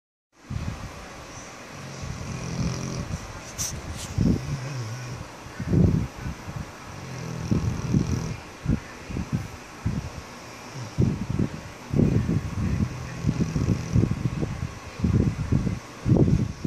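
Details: Irregular low rumbling and snorting breath sounds, overlapping at times, from two sleeping dogs; dogs snoring.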